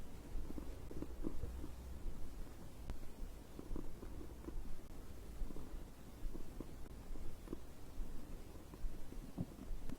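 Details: Stomach growling recorded after drinking a beverage: low, irregular gurgles and rumbles from the abdomen, ordinary digestive bowel sounds.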